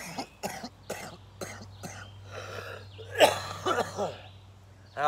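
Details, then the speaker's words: Adult male veteran with pneumonia, sick for days, coughing outdoors: a run of about five short harsh coughs, then a louder cough and a groan; cough. "Oh, man. Ugh. I hate coughing like that."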